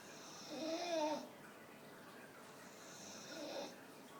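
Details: Staffordshire bull terrier dog snoring with eyes wide open while sitting, two soft whistly snoring breaths in a quiet room.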